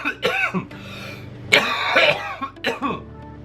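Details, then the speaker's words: A person with cystic fibrosis, three weeks into Trikafta, deliberately makes himself cough: a short run of forced, dry coughs, clear with no rattle, not leading into further coughing. "That was me making myself cough, but did you hear how clear that was? That shit, how the sound of my cough right then, that shit doesn't happen with CF."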